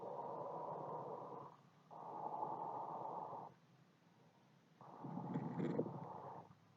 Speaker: 是我们肺部有感染的声音。